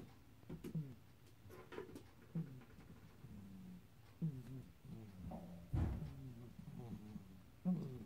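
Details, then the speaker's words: Wheezy breathing in Mr. Crumbs, a small pet, out of the cage for the first time looking out a window: repeated high, whistling squeaky sounds; a kitten runs around in the background. "But Mr. Crumbs has got a bit of a wheezy breathing."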